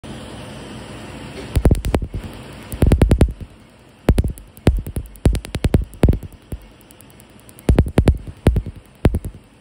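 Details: Laser tattoo removal on an older black tattoo on the upper arm: bursts of sharp snapping pops in rapid clusters with quiet gaps; laser tattoo removal device firing.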